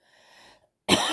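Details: Cough in a vlog about doxycycline for cough: a faint breath, a pause, then one sharp, loud cough burst.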